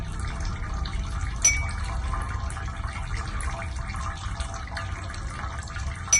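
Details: Steady running and splashing water with occasional clinks during ear irrigation to remove a large amount of ear wax.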